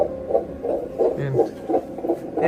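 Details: Fetal heartbeat on pregnancy ultrasound Doppler, during a scan with an active, kicking baby, sex not yet revealed: fast, regular galloping whooshes about 150 a minute, with a brief machine tone.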